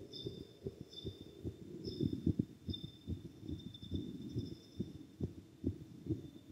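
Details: Normal heart sounds of a boy after exercise: fast, strong heartbeat thumps, around 140 per minute, with a faint high whine.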